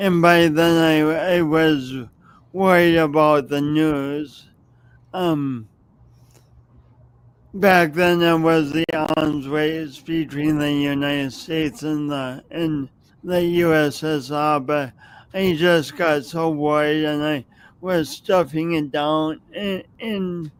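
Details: Adult man with a speech impediment noticeable whenever he speaks, plus motor coordination differences, no specific diagnosis named, speaking as a podcast host; speech impediment.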